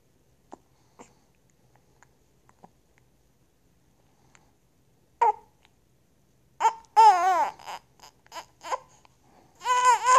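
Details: Several faint, abrupt little clicks about half a second apart, like hiccups, then infant fussing and whimpering cries; the recorder's own breathing is loud because the phone was held against their lips.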